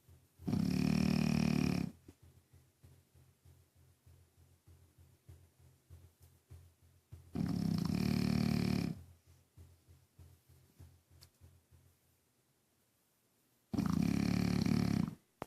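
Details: Snoring from Rocky, a dog: three loud, low rumbling snores spaced about six seconds apart, with soft fluttering breaths between.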